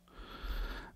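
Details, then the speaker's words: Dog snoring in the background while the owner talks; the dogs are described as sleepy. "um I don't know if you can hear my dog snoring in the background but uh my apologies if you can they're just sleepy little fellas"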